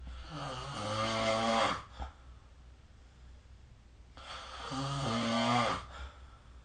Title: 🐽 Snoring Sleep Sound